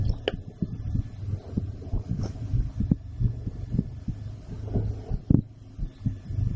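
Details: Adult female heartbeat recorded through a stethoscope after a blood draw: steady, regular paired low thumps at roughly 90 beats a minute, with faint room hum.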